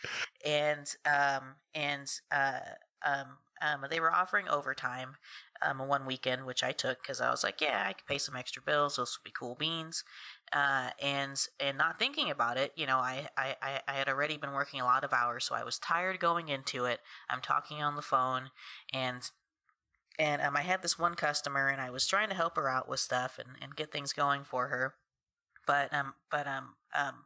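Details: Adult woman who has stuttered since about age three, her stutter worse when tired; stuttering.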